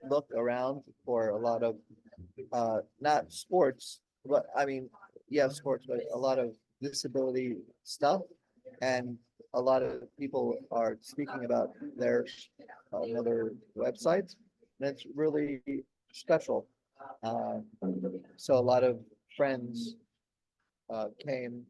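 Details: Aphasia in an adult man, 16 years after a stroke during heart valve surgery; at first he could say only one word for about a year, and word-finding difficulty persists.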